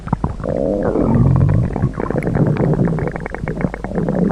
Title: T Mobile Bot's FUNNY Stomach Noises (T Mobile Hunger Jokes) #gorilatag #hunger